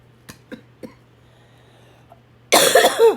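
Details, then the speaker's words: Ongoing cough in a woman who is unwell with a lung problem, on prednisone increased to 40 mg daily: three soft, short coughs, then a long, loud, harsh coughing burst. "I just took some cough medicine I should be okay for a while but I don't mean to annoy anybody with my cough so you might hear me do that"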